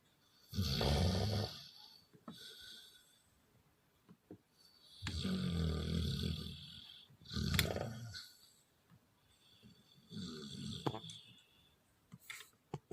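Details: A dog snoring heavily: four loud, rough, low snoring breaths with quieter breaths between them, a slow sleeping rhythm of about 19 a minute.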